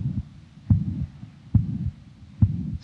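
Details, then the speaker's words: Young man, mitral valve prolapse: stethoscope at apex, heartbeat near 70/min with easily heard, nearly holosystolic blowing murmur of mitral regurgitation, small gap after first heart sound; possible faint systolic thrill. "'s an easily heard um mitro pan systolic murma which is nearly holos systolic I it nearly goes right through assistly but there is a small gap between the first heart sound and the onset of the murmur"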